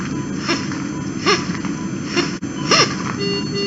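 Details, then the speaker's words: High whistling tones with inspiratory and expiratory breaths during bag ventilation at rigid bronchoscopy in a 12-year-old child: an inhaled toy whistle lodged in the right main bronchus, causing unusual biphasic noisy breathing. "this is a whistle bank and this is opening this it's opening so our patient was whistling during respiration inspiratory and expir"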